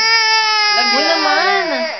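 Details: Baby boy crying: a sustained, high-pitched cry with clear tonal wails that rise and fall in pitch.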